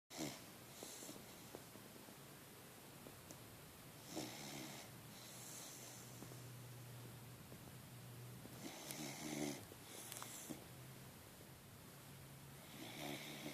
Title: Snoring puppy